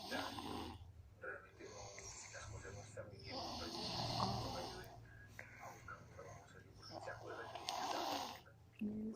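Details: Irregular rough, rattling snoring breaths, some with a whistling edge, over room noise and brief talk; snoring.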